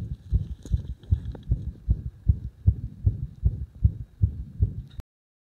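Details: Arrhythmia induced by gradually increasing compression on the heart: rapid low thudding heartbeats, about 150 a minute and slightly uneven.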